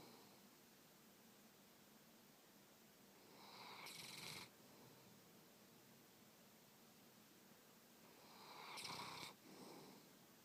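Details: Cat snoring while sleeping with tongue out: two soft, rattling snores about five seconds apart over steady background hiss, roughly twelve breaths a minute.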